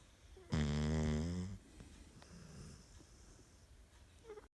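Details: Sleeping dog snoring: one low, rumbling snore lasting about a second, then quiet breathing and faint room noise.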